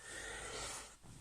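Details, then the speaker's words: Adult man announces he is about to sneeze mid-talk, then a single sneeze: a sharp, hissing burst of air under a second, followed by quiet breathing. "I'm going to sneeze."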